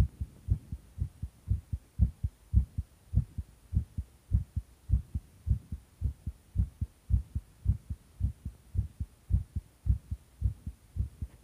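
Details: Pounding heart: fast, strong, regular heartbeat roughly 110 beats a minute with a steady low hum behind it; rapid heartbeat.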